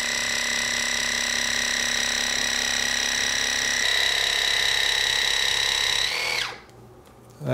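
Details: Loud steady whine with a rapid pulsing beat, shutting off near the end, as an irrigation device flushes a large impacted wax chunk from an adult's ear; ear irrigation device.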